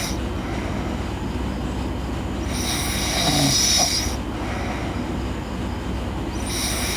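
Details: Girl sleeping: slow breathing with two long, noisy, rasping snoring breaths about four seconds apart over a low steady room hum.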